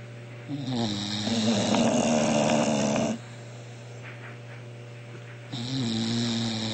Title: Boogie & Disco: Bulldog Snoring Competition